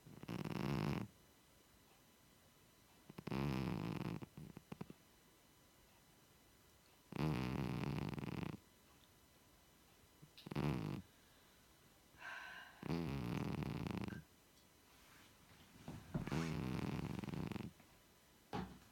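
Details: 16-year-old cat named Macy lying on the sofa snoring: regular soft rumbling snores, about fourteen a minute, with quiet pauses between, while resting.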